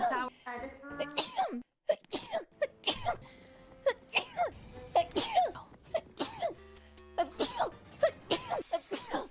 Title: Sneezed for 51 seconds #hololiveenglish #hololive